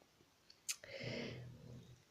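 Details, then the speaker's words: A dog snoring in the background of a spoken video; the owner asks the dog to stop snoring and apologizes that viewers may hear it. "Gribouille, t'arrêtes de ronfler? Excusez-moi si vous entendez mon chien ronfler."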